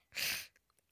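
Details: Person who says they are sick with a clogged nose: one quick, hissing sneeze burst, then faint small sounds and quiet; a sneeze.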